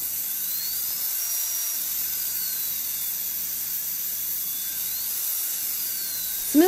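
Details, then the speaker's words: Continuous high-pitched high-speed dental drill whine with gliding pitch and faint room hum, while smoothing a Class II interproximal cavity preparation, removing unsupported enamel and ledges and bevelling line angles. "the preparation with rotary instruments high-speed with water or slow speed or hand instruments remove unsupported enamel remove steps Ledges bevel the axiao line angle"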